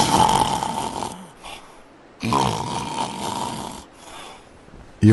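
Two loud, rough, rattling breaths during sleep, separated by a quieter pause: typical snoring.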